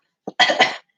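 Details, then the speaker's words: Simulated patient cough during a nasotracheal suctioning skills demonstration: a brief catch then a single harsh cough burst as the lubricated suction catheter, inserted nose-to-ear distance, reaches depth. "And you're going to know that you've gone far enough, okay, when that patient starts to cough."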